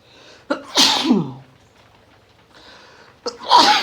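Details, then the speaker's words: Person struggling with uncontrollable morning sneezing, sniffly with watering eyes, during a sneezing fit: two forceful sneezes, each with a sharp in-breath before an explosive burst, light rain in the background. "I'm gonna sneeze. I'm gonna sneeze. Oh, excuse me. Sometimes I really struggle in the morning. And I can't control it."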